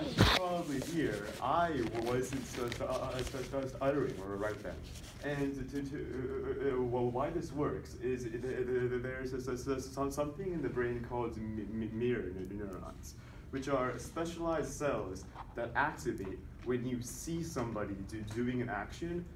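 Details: Man who stutters deliberately producing voluntary (fake) stuttering during a presentation on stuttering, counting his stutters with a tally counter to track progress; voluntary stuttering.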